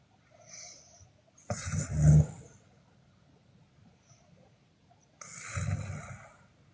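Low, rough rattling breath sounds come in repeated cycles with quiet gaps between them: snoring during sleep.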